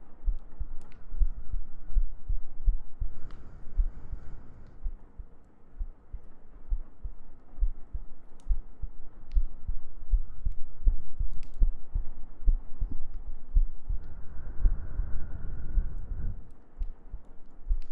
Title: ASMR Sleep Aid | Your GF Cuddles You To Sleep ♡ [Heartbeats] [Gentle Breathing] [Humming]